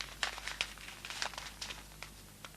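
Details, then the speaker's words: Instant cold pack for a benign lateral ankle sprain, to be applied around the lateral malleolus: sharp crackling pops and crinkling plastic as the pack is burst so its two chemicals mix. "La poche à froid contient 2 produits chimiques qui vont se mélanger par éclatement."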